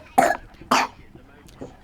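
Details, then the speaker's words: A child recovering from an illness gives two harsh, wet cough bursts; the parent says she is past the worst and is clearing mucus still on her lungs; productive cough. "it's just the slime she has to get off. She's already through the worst, but now that stuff is still on her lungs. Needs to get out."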